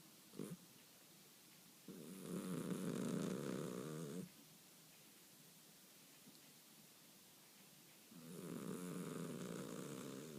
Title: Sleeping Snoring Persian Cat